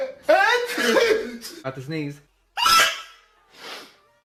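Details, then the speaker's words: Build-up voiced sounds, then an abrupt explosive burst and a softer rush of air: a sneeze. "Ooh. Okay. About to sneeze."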